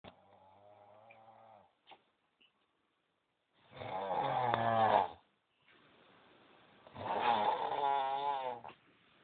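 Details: Person snoring: two long, rough, rattling snores with buzzy low-pitched vibration, separated by quiet pauses, in a quiet room; snoring.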